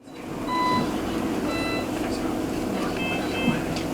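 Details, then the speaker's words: Intermittent short electronic beeps from intensive care monitoring equipment over steady room noise, recorded in a hospital ICU during a wedding of a badly wounded soldier in serious condition. "маршу Мендельсона звуки пікання апаратури замість рагсу інтер'єр лікарняної реанімації"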